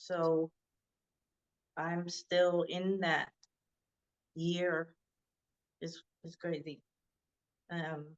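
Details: Adult woman who had a hemorrhagic stroke and could not talk for 2 years. She was first diagnosed with Broca's aphasia and is now recovering with marked improvement. Non-fluent (Broca's) aphasia.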